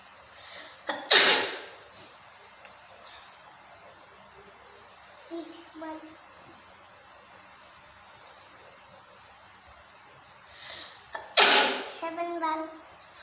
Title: Unlimited Sneezing Challange / 11বার হ্যাচ্চি।/ Sneezing challange part-3